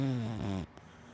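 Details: A single brief, low, buzzing snore from a sleeping big black dachshund–black Labrador mix dog, followed by quiet; dog snoring.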